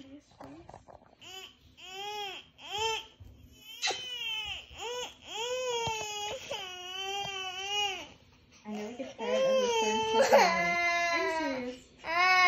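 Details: Young child crying in repeated wailing, rising-and-falling sobs with breaths between, in a small room.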